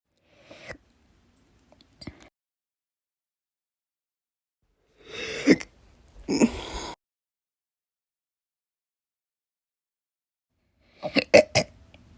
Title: All Slow Hiccups Part 9